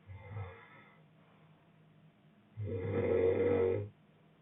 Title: boyfriend snoring